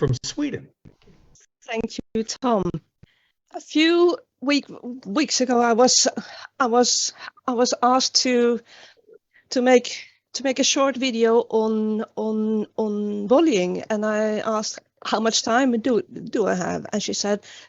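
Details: Stuttering in a woman, an international stuttering advocate.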